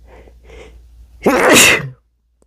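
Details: Induced sneeze in a male: two soft breaths in, then one loud, sharp sneeze.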